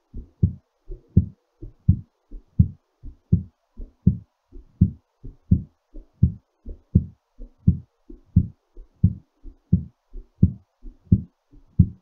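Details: Steady, clear lub-dub beats at about 85 a minute; a normal heartbeat during recovery from exercise.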